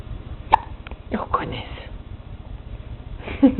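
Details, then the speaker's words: Baby boy with hiccups, awake, giving repeated hiccups. "not only am i awake but i have the hiccups"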